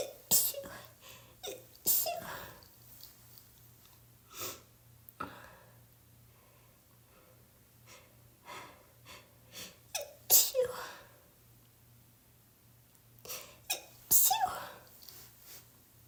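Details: Repeated sneezes with sniffs and breaths between them, in someone who thought they were getting over a cold but can't go two minutes without sneezing.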